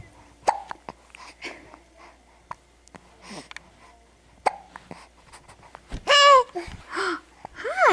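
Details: Brief sharp catches of breath at irregular intervals from a baby girl with hiccups, with babbling and a voice near the end; hiccups.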